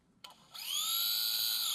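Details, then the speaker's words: Surgical drill boring a single unicortical hole through a guide in bone for reduction of a transverse fracture: a few clicks, then a high-pitched whine that spins up and holds steady. "So we drill one hole, it doesn't matter which side it's going to be, and it only has to be really unicortical."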